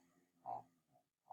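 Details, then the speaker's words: Sick pet dog with bronchial issues makes short grunting, honking breath noises in a quiet room; noisy bronchial breathing. "Do you hear that? She's having some bronchial issues. It's not cute. And it's not me."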